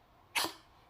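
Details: A single short, harsh, hacking cough from a dog that seems unwell; the owner comforts it, urges it to drink water, and plans to give it medicine.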